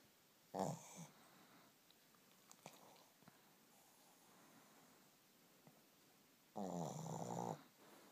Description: Brodie the Shih Tzu Snoring 19/11/2012